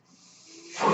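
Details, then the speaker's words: Speaker's own mechanical ventilator heard between her sentences: a soft airy hiss swells steadily and peaks at the end as the ventilator delivers a breath. "hello everyone my name is that noise you're hearing is my ventilator"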